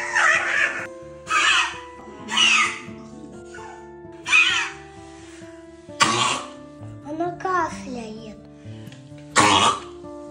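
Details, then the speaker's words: Dog repeatedly coughing harshly and unable to clear its throat, as if something is stuck in it, over soft music. "Собака откашливается и не может откашляться. Как будто бы что-то в горле находится."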